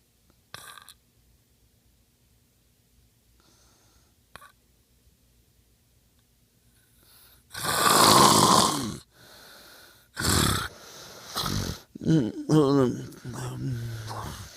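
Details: Quiet at first, then several loud, rattling breaths with a fluttering, snorting quality; a sleeper's nightly snoring, recorded by the partner who hears it every night.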